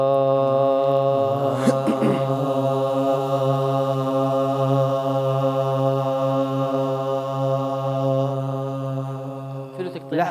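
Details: Group of singers sustaining one note before any warm-up, with the trainer pointing out tremor or waviness; unsteady, wavering sustained voice.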